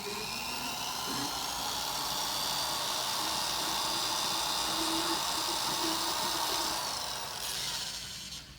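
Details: Lumbar laminectomy/discectomy at L3–L4, surgeon switching to a smaller drill bit: steady high-pitched whine of a high-speed surgical bone drill running almost continuously, winding down near the end.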